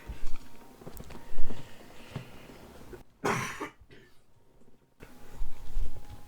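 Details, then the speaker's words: An adult who is still sick and has a hoarse voice gives a single short, harsh cough over faint background video-game sounds. "Alors, pardon, hein, je suis toujours malade, donc voilà, il y a de temps en temps où je vais avoir un petit coup de toux et où j'ai ma voix qui est pourrie."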